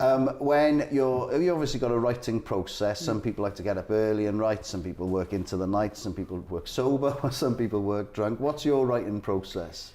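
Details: Adult male speaker; ordinary speech.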